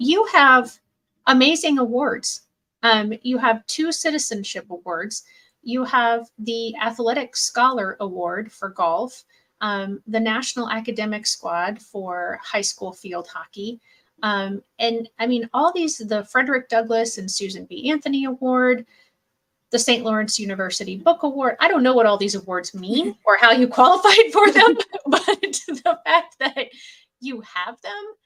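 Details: Adult woman; ordinary speech.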